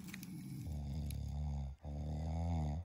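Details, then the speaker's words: Human snoring recorded at night by a riverside forest camp, shortly before dawn prayer time, from a man sleeping among friends. "और हमारे भाई जो है ना, आपको इनके खर्राटे भी सुनाते हैं, चेक करें।"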